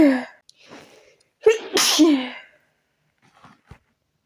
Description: just wanted to relax , but my nose decided to do other things.